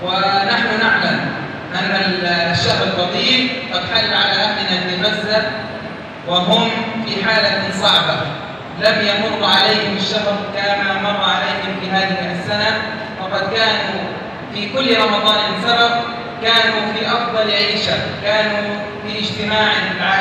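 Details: Adult man; Normal speech.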